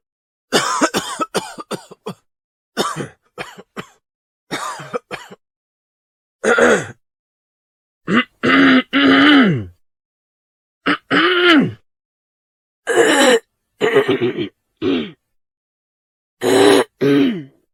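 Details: Repeated voiced cough bursts in quick runs and single hacks, some with throat-clearing quality, in a quiet room; cough.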